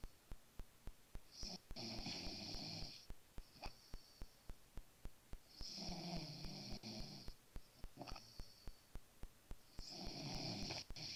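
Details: Man asleep, said by others not to snore, caught snoring: three rough snoring breaths, each followed by a hissing whistle, over steady ticking in the room.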